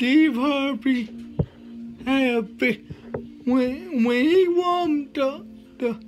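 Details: Dysarthria with slurred speech in a male motivational speaker with cerebral palsy, speaking in a real talk.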